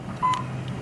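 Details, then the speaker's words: Class IV therapy laser on the lower back, demonstrated for a presumed L4–L5/L5–S1 herniated disc with the patient comfortable: one short steady beep while emitting, a normal operating signal. "some laser is on again I want to do this circular motion just nice and slow throughout the area"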